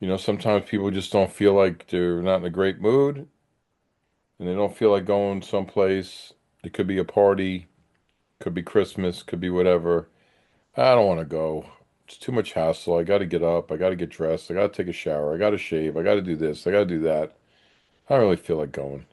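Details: Adult man speaking; normal adult speech.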